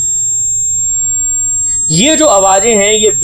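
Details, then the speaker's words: Simulated tinnitus: steady high-pitched ringing, buzzing and hissing tones heard in the ear with no external source, as when lying quietly at home after the day's work. "ये ringing sensation, buzzing sensation, hissing sensation, इसी आवाज को हम कहते हैं tinnitus."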